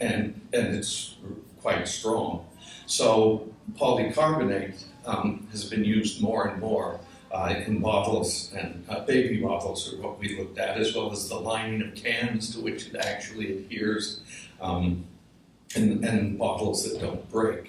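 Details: Adult male speaker with voice tremor from essential tremor, which he says also affects his hands; he says it ended his surgical work and is in his voice: voice tremor (essential tremor).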